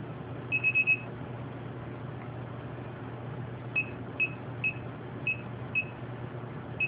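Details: Therapeutic ultrasound machine beeps while treating a patient's two-year carpal tunnel syndrome as intensity is raised for heating: short high-pitched beeps, a quick cluster then single beeps about every half second, over low room hum.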